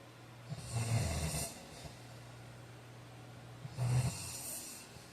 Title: Snoring 43